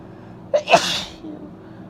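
A single sneeze with a short intake of breath and then a wet, forceful burst of air, congested in quality.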